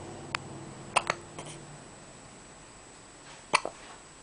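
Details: Eve hiccuping with open eyes: several brief, sharp, abrupt hiccup sounds, some in quick pairs, over a quiet room background; hiccups.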